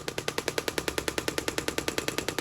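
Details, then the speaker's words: Radial pressure wave therapy device running: fast, even jackhammer-like knocking of about ten pulses a second; described as not a true shockwave, mostly effective for superficial treatments, skin to superficial muscles. "we have a saying: if it sounds like a jackhammer, it's not a shockwave. Although it's a really good treatment, we use it too for specific conditions, but it's not a shockwave."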